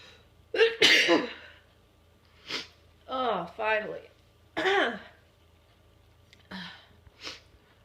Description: Wait for it....aaaand it's just a sneeze, but I'm damn proud of it!